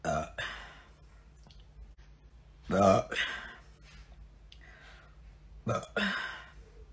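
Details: Several short, deep belches at irregular intervals with faint room noise between: burping.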